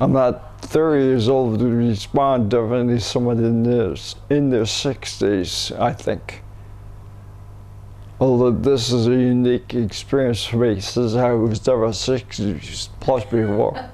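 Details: 67-year-old man with cerebellar ataxia, later rediagnosed as multiple system atrophy; speech declining subtly over the past year, much worse in three months before umbilical cord blood stem cell treatment, no speech improvement yet; hard to understand, near-impossible when fatigued; ataxic dysarthria.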